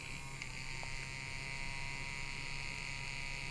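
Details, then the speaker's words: Handheld battery-operated vibration anesthesia device running during a facial injection treatment, used to reduce injection pain by gate control: steady high-pitched electric buzz with a low hum, like a small shaver. "this is dr. Joe and I am to love that face ox treatment and we're going to demonstrate the Blaine labs vibrating device which"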